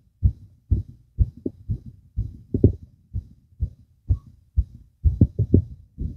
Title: fast visible heartbeat